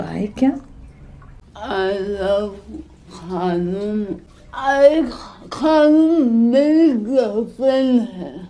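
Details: Acted portrayal by an actress of a young woman with cerebral palsy; dysarthria (cerebral palsy), acted.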